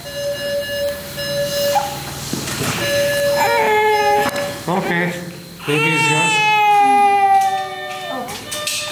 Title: Young Baby coming out of Anesthesia after Surgery